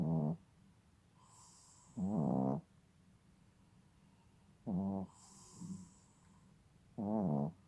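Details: Maruice, nearly 6 months old, snoring: loud voiced snores on each in-breath with soft hissing out-breaths, about four snores in eight seconds.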